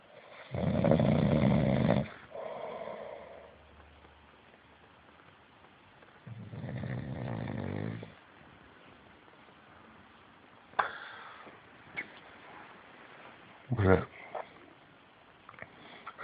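Two long, loud, rumbling snores on the in-breath, with quieter breathing and faint room sounds between them.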